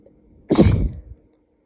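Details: Spray sneeze: one forceful, wet-sounding sneeze with a brief trailing exhale; sneeze.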